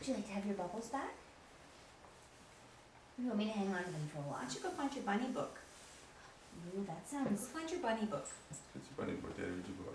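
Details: Adult woman speaking; ordinary speech.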